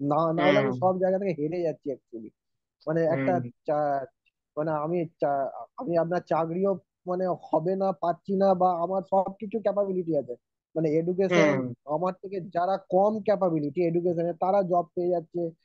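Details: Stuttering in a 27-year-old man, recorded on day one before training; severe stammering that worsened over the previous month and a half, with struggle to speak and blocks on vowels and on t and k sounds.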